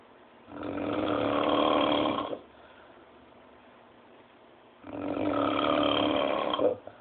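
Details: Snoring: two loud, rough, rattling snores about four seconds apart, each lasting nearly two seconds, with quiet between.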